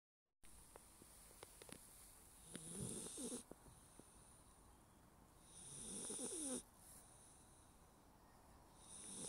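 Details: Labrador puppy asleep: two soft, rattling snores in a quiet room; snoring.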